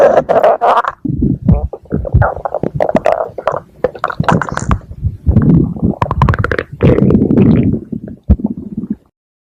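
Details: A stomach growls: borborygmi (stomach growling).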